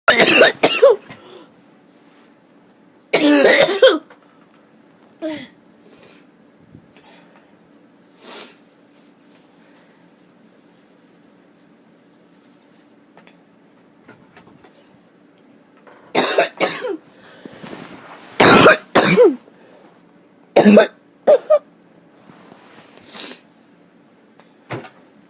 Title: Harsh choking cough